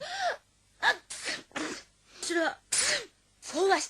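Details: Acted sneezes from animated cartoon characters, replayed in a compilation with music: several short voiced bursts with sharp noisy releases, mixed with brief speech.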